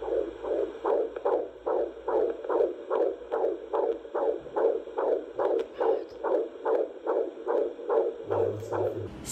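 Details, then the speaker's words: Fetal heartbeat heard by a midwife on Doppler in the second trimester (around 16–18 weeks, exact week unclear): rapid, regular whooshing at about 145 beats a minute, a normal rate. "I'll insert a little video now of the heartbeat because she did a little listen for me."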